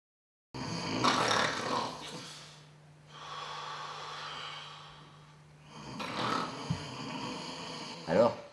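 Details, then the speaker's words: Man snoring loudly during sleep, blamed for keeping someone awake for years: two loud, rough snoring breaths with snorting, quieter breathing between, low steady room hum. "c'est lui c'est lui je le reconnais c'est lui qui m'empêche de dormir depuis des années avec son enfin je vais pouir dormir tranquille merci"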